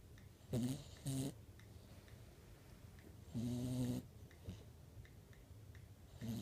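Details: Dog sleeping like a human and snoring: short, buzzing snores on each breath, about 20 a minute, over quiet room noise; snoring.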